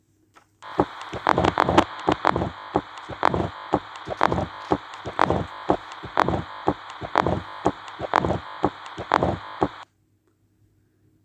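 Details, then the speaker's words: Mitral stenosis murmur on a teaching recording: heart sounds about 60/min with a low rumbling mid-diastolic murmur, best heard at the apex with the patient in left lateral position. "The murmur which you just heard is the murmur of mital stenosis that is the mid diasistolic murmur. It is best heard at the apex in the left lateral position."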